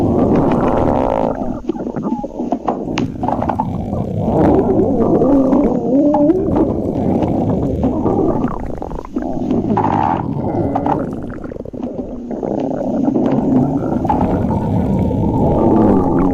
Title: stomach growling 3